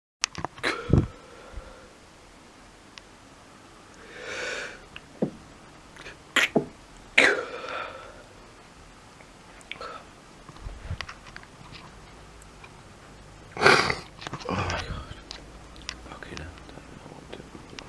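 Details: Person sneezing repeatedly at 1:15 in the morning, unable to stop: several sharp, explosive sneezes with sniffs between them in a small room.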